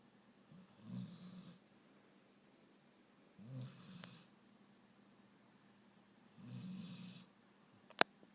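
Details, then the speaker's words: Dog asleep on a couch, snoring: three slow, low rumbling breaths about every three seconds (roughly 20/min) in a quiet room, before being woken; snoring. "The dog is snoring. Snoring dog. Oh, woke you up. Sorry."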